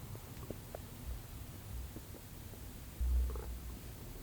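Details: Stomach sounds recorded after a tiring morning outdoors: low, soft gurgling rumbles over steady hiss, with one louder rumble; ordinary bowel sounds.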